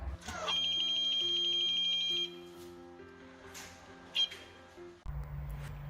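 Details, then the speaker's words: Low-cost emergency ventilator prototype alarm: steady high-pitched electronic caution tone over background music, triggered when peak inspiratory pressure is exceeded, e.g. patient regaining consciousness and breathing against the machine. "For example, if the patient regains consciousness during an operation and tries to oppose the machine with its own breathing, the peak pressure would get exceeded and the pressure sensor will sense this change and trigger a caution alarm."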